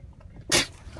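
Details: Llama sneezing while being fed a carrot at a wildlife safari: a single sharp, explosive, hissing burst of air over quiet outdoor background.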